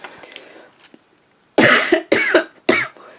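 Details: Three short, harsh coughs in quick succession after quiet room sound, from an adult woman ill with a cold.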